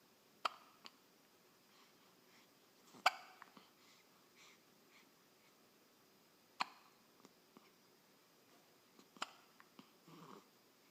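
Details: Hiccups: sharp, brief clicking hiccups at irregular intervals, about five in ten seconds, in a quiet room.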